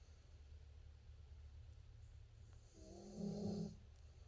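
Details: Sleeping dog snoring after a day of hard play: quiet breathing, then one soft, rattling snore lasting about a second; ordinary snoring.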